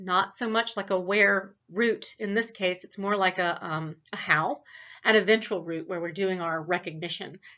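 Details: Acted: female lecturer imitates a patient's answer, aiming for fast, fluent gibberish with syntactic markers that sounds like structured language, contrasted with Broca's aphasia; Wernicke's aphasia (fluent aphasia).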